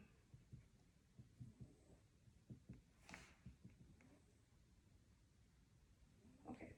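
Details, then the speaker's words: Abdominal assessment on a female patient after auscultation for bruits (none heard); abdominal percussion listening for tympany, as part of shifting dullness testing. "so the second thing i'm going or the third thing i'm going to do is percuss so i'm listening for timpani"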